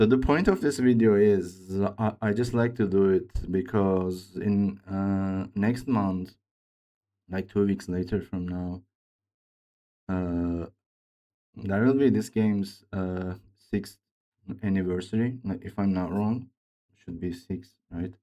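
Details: Man who reports his own speech disorder, type not named, and says it is much worse than a game character's; real, dysfluent speech; speech disorder (dysfluent speech).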